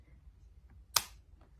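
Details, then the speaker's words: Finger-prick lancing device for a combined blood glucose and ketone monitor, fired for a fingertip sample: single sharp snapping click of the spring release in a quiet room. "So, when you pull that out and you're ready to go, pick your finger and press this button and it'll go very quick."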